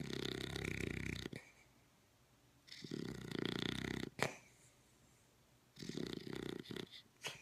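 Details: Dog in very deep sleep, possibly REM, with suspected sleep apnea: rough, buzzing snores in repeated bursts with quiet gaps and small snorts between breaths; snoring.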